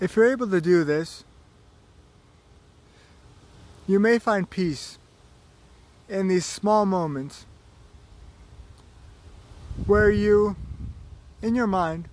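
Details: Slow speech with long pauses between short phrases in a man with cerebral palsy and chronic pain.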